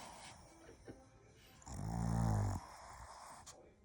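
One short, low, rumbling snore under soft background noise; snoring in a sleeping puppy.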